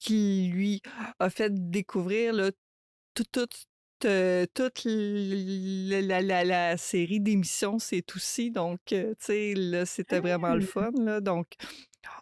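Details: Adult woman who stutters, a mother of two teenagers, speaking French in a podcast interview; stuttering.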